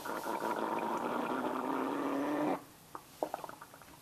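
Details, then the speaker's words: Long, loud wavering gurgling rumble, then quieter bubbling pops, from a man's stomach. His intestines are healing after a hospital stay and have trouble passing contents, half painful; usual sound for him: bowel sounds (borborygmi). "okay just for those of you who don't know what that was that was my stomach gurgling because it is healing and my intestines have a hard time uh stuff passing through"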